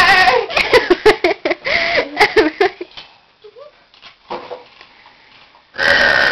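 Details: Deliberate run of loud, voiced belches, then quiet and a final burst of noise; the burper says they are famous for loud ones. Burping.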